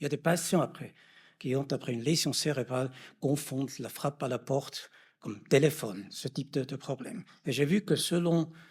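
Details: Adult male lecturer; normal speech.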